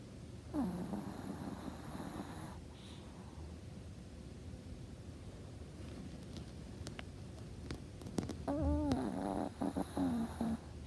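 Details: Sleeping dog: steady low rumbling breath noise with a few squeaky, whiny sounds near the end; loud snoring.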